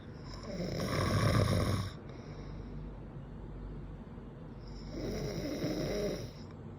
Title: snoring man 👨 😂